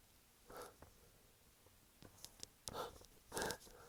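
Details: Second part of a sneezing fit, in bed recovering after an earlier fit of about 19 sneezes that followed a shower and shampoo use: several short, muffled bursts with sharp hissing onsets; stifled sneezes.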